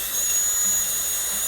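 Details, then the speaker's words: Steady high-pitched whine of a dental drill (handpiece) cutting a maxillary premolar class II box preparation in a dentistry teaching course, pitch shifting slightly as the bur engages the tooth. "Okay, and now use a 55 burr and trim off all the excess gingerly along that wall,"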